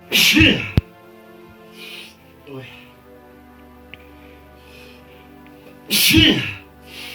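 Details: Two loud, explosive sneezes with faint background music, induced by putting kalanchoe juice in the nose as a folk remedy for a stuffy nose.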